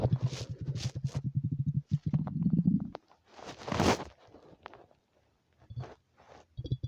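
Low gurgling, bubbling rumbles with quieter pauses; normal stomach rumbling on an empty stomach.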